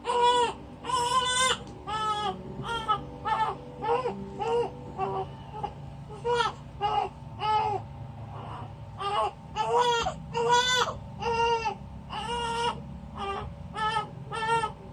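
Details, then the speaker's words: Baby girl, fresh from her bath, crying loudly in rhythmic repeated wails with short gasps in a small room; she is hungry and not yet breastfed, so she is upset. "gutom na po kasi inistore ba sa slip ng mama t's hindi pa nadede po kaya gutom na po yan kaya nagagalit na."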